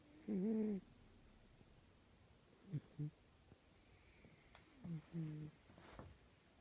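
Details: Snoring from a sleeping cat: three low, buzzing, voice-like, human-sounding noises between quiet breaths, the first drawn out and tonal.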